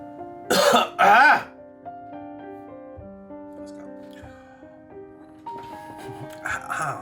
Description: Was making a video and during the intro I had a coughing fit which will show you just how well my broken ribs are doing.